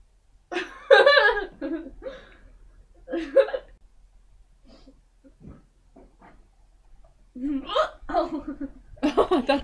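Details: Unusually odd-sounding hiccups in an adult woman, said to be real, not faked: sharp voiced catches break into vocal sounds with quiet pauses between them.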